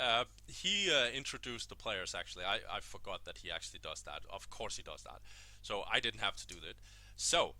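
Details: Adult male speaker; Normal conversational speech.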